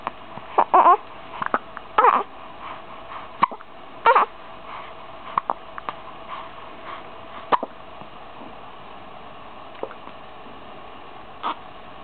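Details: 15-day-old baby with recurring hiccups: short, sharp, jerky catches of breath at irregular intervals, about 18 a minute, over quiet room noise.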